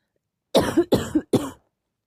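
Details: Three short, harsh cough bursts in quick succession from an adult in a quiet room; cough.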